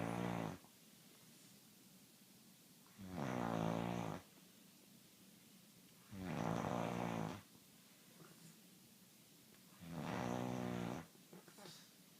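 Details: Man snoring: loud, regular buzzing snores on each breath in, about 3 breaths in 12 seconds, with quiet pauses between; ordinary snoring.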